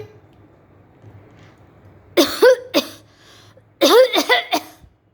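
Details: Acted cough performed for a cough syrup audition.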